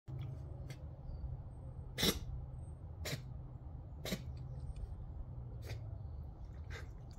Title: Wild Fox Sneezing Again #animal #fox #foxes #redfox #wildfox #wildlife #cute